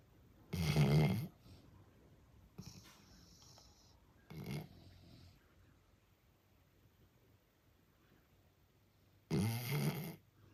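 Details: Loud, low, rattling snores in bursts several seconds apart with softer breathy sounds between, in a quiet room at night; father and son both snore very loudly. Heavy snoring.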